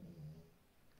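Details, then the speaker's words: A sleeping female dog snoring noisily in the background of the room. "Excusez-moi, vous entendez mon chien qui ronfle. Elle est un peu bruyante. Elle dort, petite mère."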